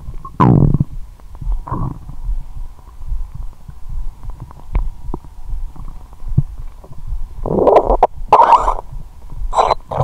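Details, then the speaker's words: Low gurgles and rumbling squeaks over a steady hum, from a woman's upper abdomen; whole belly rumbling; borborygmi. ""मेरा पूरा पेट बज रहा है"। "वह?"। "मेरे पेट के गड्ढे में मेरा पेट बहुत गड़गड़ाहट कर रहा है"।"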